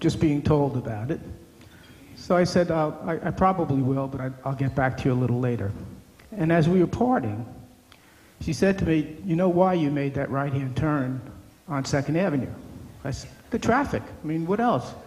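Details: Adult man speaking; typical speech.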